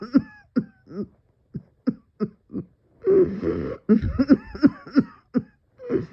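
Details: A rapid run of short, harsh coughs with a strained hacking burst in the middle; coughing fit leaving the person dizzy, feeling close to passing out.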